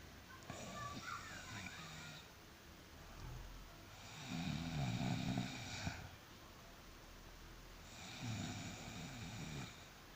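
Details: Snoring the snorer calls very strange: rhythmic rough snoring on each breath, about every four seconds (roughly 15 breaths a minute), with a faint whistling tone.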